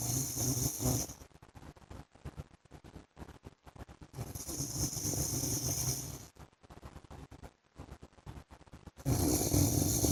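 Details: Harsh, noisy snores recurring every few seconds with crackly background between them from a husband asleep; snoring.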